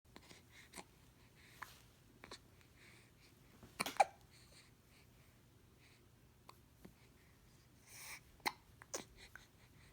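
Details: Baby: a few brief, sharp, irregularly spaced catch-like sounds with soft breathing in a quiet room; hiccups.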